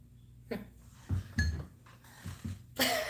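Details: Several short, dry cough bursts and throat noises in a quiet room during a live stream, after the speaker remarks on suddenly wheezing; an isolated coughing episode.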